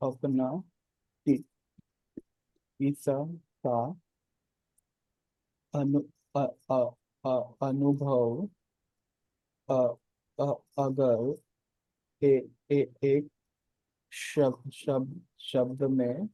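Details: Stuttering in an adult man hosting a stammering practice circle, natural speech before a voluntary stammering demonstration, with audible word repetitions.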